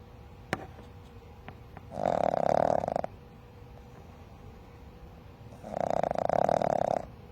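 Two loud, rattling, fluttering breath sounds a few seconds apart, with quiet in between. Snoring from a sleeping puppy.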